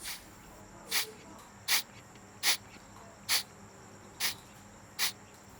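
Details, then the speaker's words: Newborn resuscitation bag (ambu bag) function check on a training doll: bag outlet closed with the palm and squeezed, six short hissing bursts (~78/min) of air escaping from the pressure-release valve as the bag reinflates; working bag, simulated setting. "puis fermé le sac avec la paume de votre main est serré le vous devez sentir de la pression sur votre main voir le sac se regonfler et entendre l'air s'échapper de la valve et de détente"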